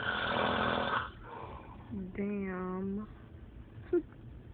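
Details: Overweight man snoring during sleep: a harsh noisy snore, then a buzzing voiced snort on the next breath.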